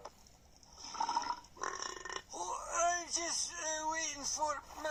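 A low, drawn-out voiced croak with gurgling, then a longer rolling belch in a small room; a deliberate burp.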